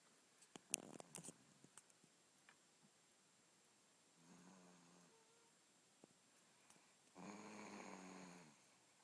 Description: Lol I can't believe how loud she snores, but it's so cute!